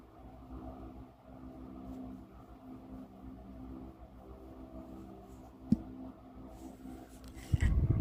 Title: I puked + stomach noises U_U